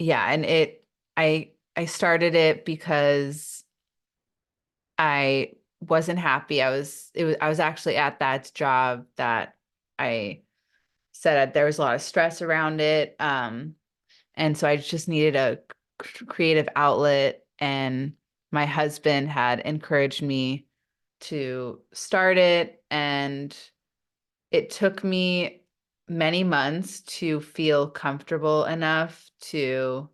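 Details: Adult woman who stutters, in a real English-language podcast interview: stuttering.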